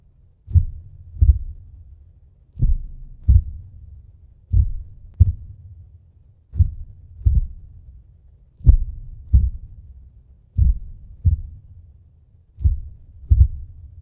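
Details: Simulated sound-effect heartbeat for a fictional vampire character: slow, deep paired thumps at roughly 30 beats a minute with a low rumble between them.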